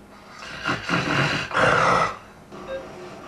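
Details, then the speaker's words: Two loud, harsh snoring snorts with spluttering from a sleeping man who stops breathing a hundred times a night and has excessive daytime tiredness; snoring with obstructive sleep apnoea. "he stops breathing a hundred times a night snoring and spluttering to regain his breath it can lead to excessive daytime tiredness"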